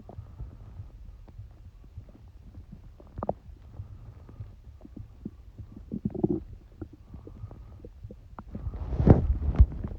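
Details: Stomach noises recorded while having a cold: low, soft gurgles and rumbles with scattered bubbly pops, growing louder at the end; ordinary bowel sounds.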